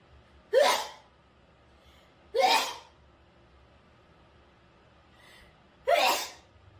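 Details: Three sharp, explosive sneezes a few seconds apart in a quiet room, set off by a COVID-19 nasal swab test; sneezing induced by a nasal swab.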